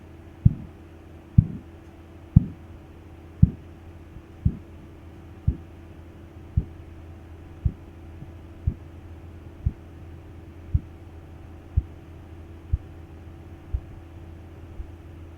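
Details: Korotkoff sounds during blood pressure measurement with a sphygmomanometer: regular tapping pulse sounds, about 60 a minute, loud at first and gradually softening as the cuff deflates; teaching demonstration.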